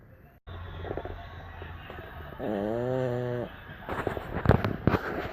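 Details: Sleeping pocket bully puppy snoring: loud, rough snoring with a long moaning, whining tone in the middle.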